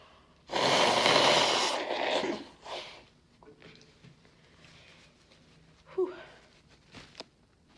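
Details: Person with a cold, on the mend, congested and stuffed up, induced sneezing with chhinkni: long forceful noisy sneeze-like blast, then quieter sniffs, short voiced catch, and nose blow at the end.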